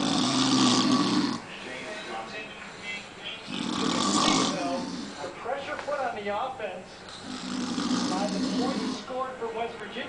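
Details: Loud, rough snores with each breath in, about three in ten seconds, separated by quieter breathing out; a man snoring in the middle of the day, who later denied falling asleep.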